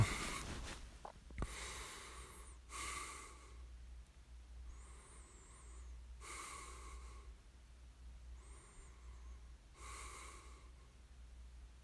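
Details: Light snoring during sleep: soft, breathy snoring breaths recurring every few seconds, with faint whistling nasal sounds, over a low background hum.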